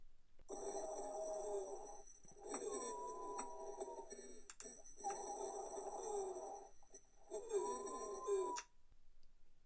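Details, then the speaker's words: Teaching example of wheezes, as heard in bronchospasm from an asthma attack or severe anaphylactic shock. Musical whistling through both breathing phases, louder and predominant on expiration. "ils ont cependant une prédominance expiratoire on les retrouve lors d'un bon qu spasmes qu'ils soient causées par une crise d'asthme ou un choc anaphylactique sévère"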